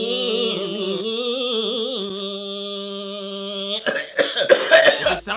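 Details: A sustained sung note gives way to a short run of rough cough bursts from an adult who had been sick for a week, voice sounding congested with mucus.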